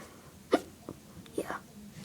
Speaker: Oh, no, I have the hiccups. Oh, I just hiccuped again.